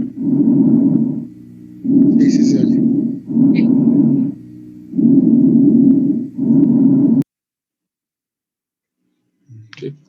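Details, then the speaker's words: Loud, harsh, hollow breath sounds over the larynx and trachea in the neck, like air blown through a medium-calibre tube: normal tracheal (laryngotracheal) breath sounds. "omo si alguien soplará por por un tubo de mediano calibre se va a localizar a nivel de la laringe y la tráquea"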